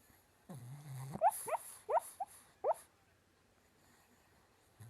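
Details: Pug, a flat-faced dog, snoring: one low snorting breath, then several short squeaky whistling snorts.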